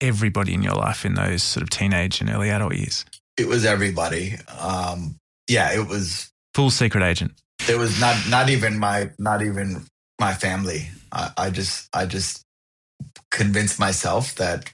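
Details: Adult who stutters, speaking in an interview; repetitions are heard; stuttering.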